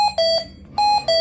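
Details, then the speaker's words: Hamilton T1 ventilator in an emergency department, SIMV mode: repeating two-tone electronic alarm beeps for low tidal volume and minute volume while tidal volumes slowly improve; ventilator alarm. "iggering tidal volume and minute volume alarms at the moment, but we are slowly improving our tidal volumes here in this SIMV mode."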